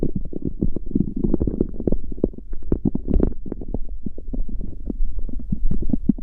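Continuous low gurgling and rumbling with irregular bubbling pops, ordinary stomach growling.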